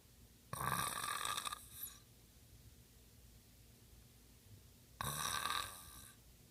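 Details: A man snoring at night, taped by a partner who hears it every night: two loud, rattling snores about four seconds apart, with quiet breathing between, in a small room.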